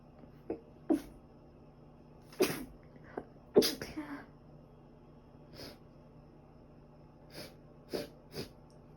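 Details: Sneezing recorded over two days, probably from dust allergy, also during a recent cold with ongoing cough and runny nose: several short, sharp sneeze bursts at irregular intervals against a steady background hum.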